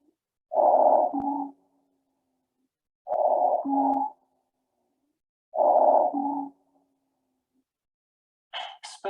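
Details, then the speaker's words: Repeated high-pitched musical whistles with each breath, about 24 a minute: wheezing, heard on inspiration or expiration, indicating a narrowed upper or lower airway. "wheezing can be auscultated on inspiration or expiration it's indicative of a narrowed airway either in the upper or lower portion"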